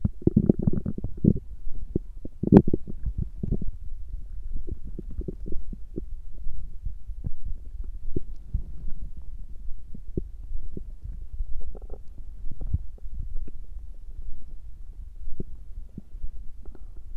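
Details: A woman's stomach growling on a girls' day (menstrual period): scattered soft gurgles and brief pops over a quiet low rumble, with a louder burst early on.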